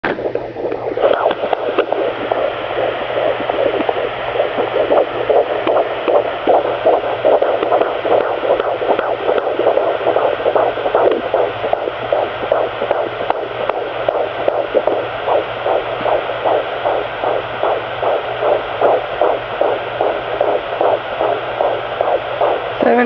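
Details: Pocket fetal Doppler recording of a fetal heartbeat at 17 weeks 4 days of pregnancy: rapid, regular whooshing thumps around 150 beats a minute, baby moving at times.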